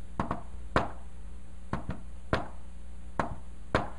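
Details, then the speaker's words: Tapped imitation of a fourth heart sound (S4 gallop) demonstrated on a stethoscope held in the hand: a soft extra beat falls just before each S1, "Tennessee" cadence, so close to S1 it may go unnoticed. "now s4 is so close to s1 that when i do really fast you might not even notice look at this because it sounds like tennessee tennessee tennessee right the s4 is different that's s4 guys"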